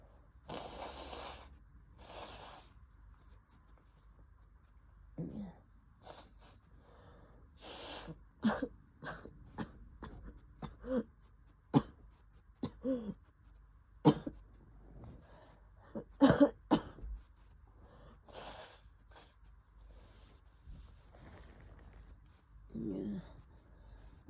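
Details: Adult with a COVID-19 cough: a sneeze opens a long series of short, loose, wet productive coughs.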